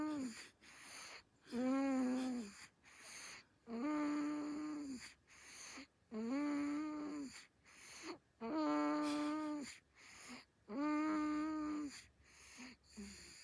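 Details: Sleeping baby snoring in a steady rhythm, each breath with a squeaky humming tone, about 26 breaths a minute; baby snoring.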